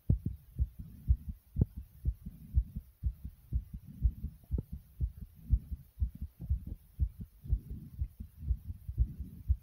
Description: in this video my heart was beating very quickly and breathing just as hard.